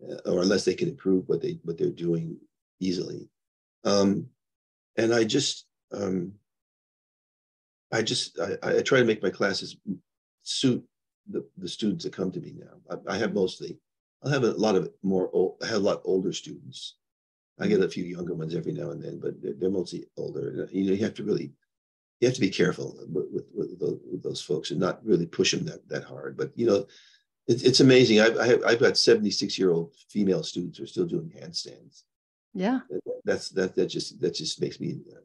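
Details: Adult man with progressing Parkinson's disease who reports mild stuttering, losing his words and impaired balance; speech disfluency with stuttering-like repetitions and word-finding pauses in Parkinson's disease.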